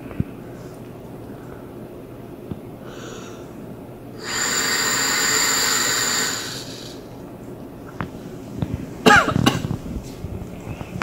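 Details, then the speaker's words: Spirometer demonstration for respiratory physiology: after several deep breaths and a maximal inhalation, a long, forceful two-second exhalation into the spirometer, followed by breaths; vital capacity measurement. "so I'm gonna breathe in deeply several times then take a deep breath and see how much I can blow on this force them forcibly as possible"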